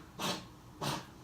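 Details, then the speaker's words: A pet dog around a weekend vet visit, its cough described as very bad: two harsh, noisy cough-like bursts of about half a second each in a quiet indoor room. "you can hear him coughing that's though it's so bad before baby you okay bubs oh my god"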